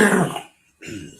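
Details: Rough throat-clearing cough, a pause, then a shorter second clearing sound, with snorts, from an adult man hosting a podcast mid-sponsor read, who then apologizes, having warned listeners his voice sounds off.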